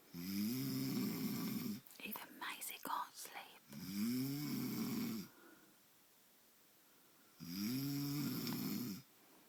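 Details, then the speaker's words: Man snoring while others try to stop him and wonder whether his nose is blocked: loud, rough, rattling in-breath snores, about 17 a minute, with whispering between; ordinary snoring. "Do you think his nose is blocked? Has he stopped snoring now?"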